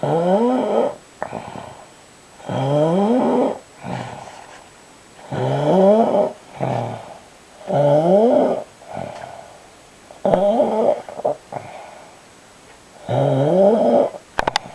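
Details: Husband snoring while asleep: loud, rough, voiced snores about every 2.5 seconds, some with a shorter second rattle, quiet gaps between; heavy snoring.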